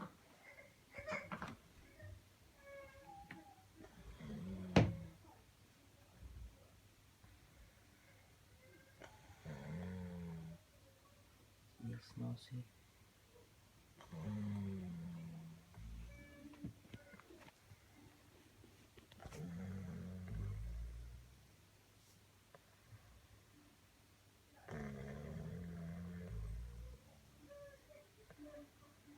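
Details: A brother who denies snoring, recorded while asleep in a quiet room, gives low, rumbling snores with each in-breath, about twelve a minute.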